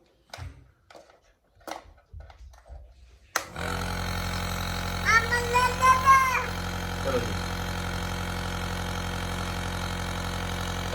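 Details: Steady mechanical hum of a nebulizer compressor starting up and running, with a child's voice briefly over it; a young child given a nebulizer treatment for cough and allergy.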